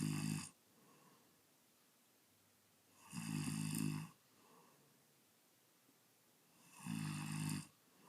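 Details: Adult man snoring loudly: deep, vibrating snores on each breath in, about 16 per minute, with quiet breathing out between; heavy snoring.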